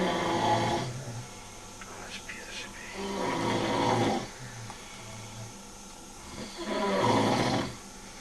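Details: Person asleep, snoring loudly enough to keep someone else awake: loud, harsh, rattling snores with each breath, about 18 a minute, with quieter gaps between.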